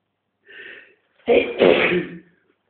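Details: Induced sneeze in a male, triggered with a tissue: a short inward breath, then a loud explosive sneeze with a voiced tail; a single ordinary sneeze.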